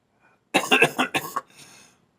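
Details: Person with lung congestion that has gotten better, possibly a lung infection, gives a quick run of about six harsh coughs in one fit, then a soft breathy exhale: cough with lung congestion.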